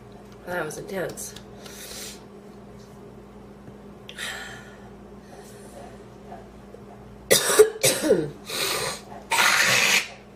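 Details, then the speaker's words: Harsh repeated coughs in bursts with gasping breaths between, building to a forceful run, from a woman who inhaled part of a sandwich, felt lightheaded and thought she would choke: coughing fit after food aspiration. "i was just eating a sandwich and i inhaled part of it i thought i was gonna choke to death"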